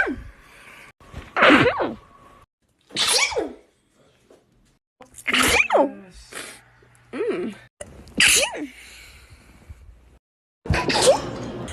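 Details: Sneeze compilation: about five separate sneezes, each a sharp explosive burst, some preceded by a quick voiced intake of breath.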